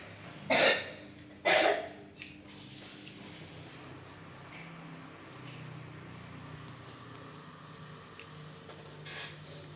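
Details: Child recovering from a cold with cough and runny nose, temperature still not fully normal: two brief, sharp coughs, then quiet room noise.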